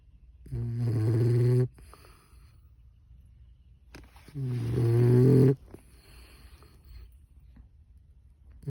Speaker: Snoring puppy. Had a really hard day. He's 12 weeks old.